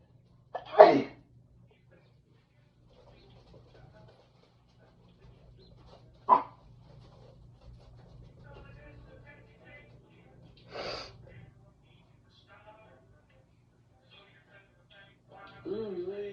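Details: Person who says they are sick: three sharp sneezes spaced several seconds apart, with soft snuffling between them and a brief whine at the end.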